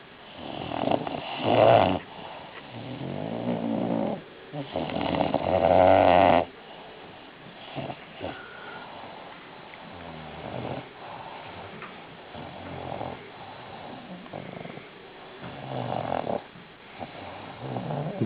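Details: Female bulldog snoring: loud rough snores at first, then quieter irregular breathing noises with some background sounds; snoring.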